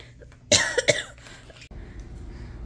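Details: A couple of short, harsh cough bursts in a quiet room from an adult woman recovering at home from pneumonia, who reports feeling tired and out of breath.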